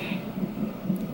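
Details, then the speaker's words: Fetal heartbeat on a monitor during labour in hospital: fast, regular whooshing pulses while the mother is contracting every 2 to 3 minutes, before an epidural. "But we are in here, his heartbeat, you can hear it."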